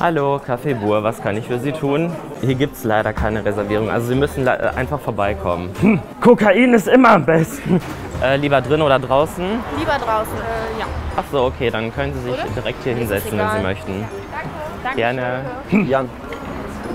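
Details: Young man with Tourette syndrome working as a waiter in a café, taking a phone call and seating guests; involuntary vocal tics occur mid-sentence. Vocal tics (Tourette syndrome).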